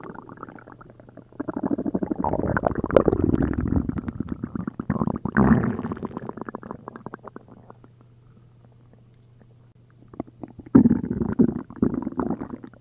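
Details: Loud, bubbling abdominal gurgles in long bursts after drinking a liter of milk and a liter of prune juice; liquid moving through an upset gut: borborygmi.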